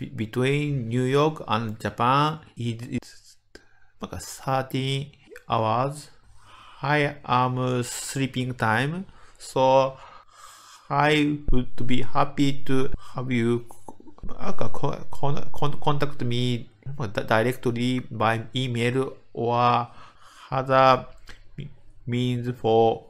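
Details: Medical doctor in Japan with developmental (childhood-onset) stuttering, giving a conference talk; stuttering.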